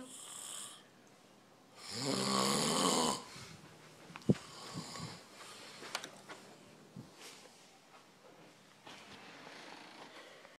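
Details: Adult man (uncle), a deep sleeper, snoring while asleep: a harsh, rattling inhaled snore, then quieter breathing with small clicks and room noise; ordinary snoring.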